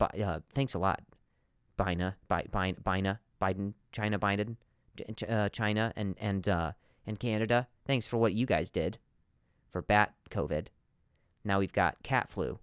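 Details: Stuttering in an adult man who stutters, hosting his own podcast.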